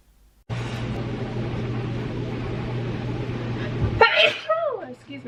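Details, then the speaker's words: A long steady hiss, then one sharp allergic sneeze with a brief voiced sound after it. From a compilation of YouTubers sneezing from allergies. The speaker says "I'm going to sneeze. Bless me." "Okay, I just clicked. Hold on. I'm going to sneeze. Bless me."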